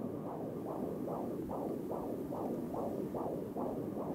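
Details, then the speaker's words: Fetal heartbeat on electronic Doppler at an early-pregnancy first prenatal visit: rapid, regular whooshing pulses about 150 a minute, within the normal 120–160 range. "a patient hears a heartbeat for the first time they're often surprised by the sound of it it's very fast it's normally between about 120 and 160 although it could go just a little bit higher"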